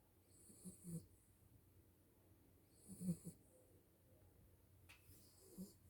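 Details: Sleeping dog, a tired new mother, snoring: three soft, low snorting breaths about two seconds apart with a faint whistle on each; ordinary snoring.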